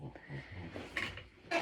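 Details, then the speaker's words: Low, rough, snorting breaths from a sleeping pet, with a brief noisy burst at the end; loud snoring in a small room. "sorry if you can hear Roxy snoring over here she's so loud"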